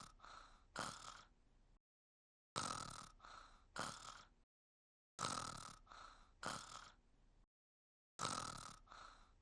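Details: Simulated cartoon snoring of the character Luz on a repeating loop: breathy, gasping inhalations, each followed by a snort, about 20 cycles a minute.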